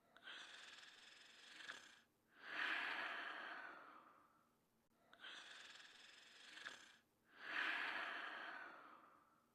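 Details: Cartoon sound effect of a sleeping character snoring: two slow, identical cycles of a hissing in-breath and a long airy out-breath; simulated snoring.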